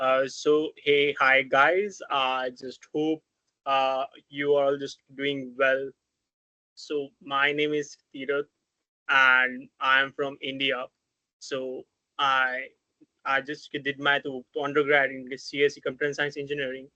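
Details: Stuttering with blocks in an adult man who has stammered since about age four or five.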